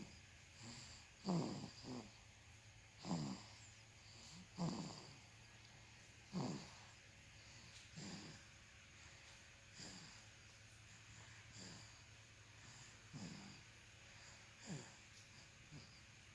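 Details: Baby snoring: soft, rattly snoring on each breath, about 34 a minute, over a steady room hum.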